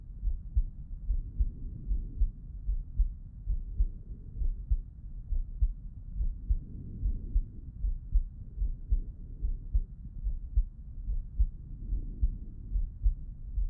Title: Heart Auscultation Lying on the Left Side ❤️🩺